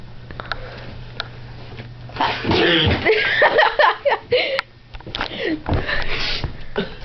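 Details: Person having a sneezing attack: a rapid run of repeated sneezy bursts and snorts, about two per second, with voices and room noise.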